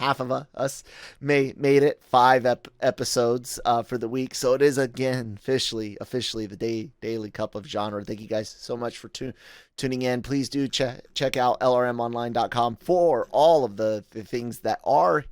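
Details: Adult male podcast host with a self-reported stutter, speaking spontaneously; stuttering.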